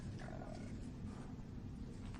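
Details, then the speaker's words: An actor's stomach growling loudly during an interview: borborygmi. "my stomach is going crazy sorry about that"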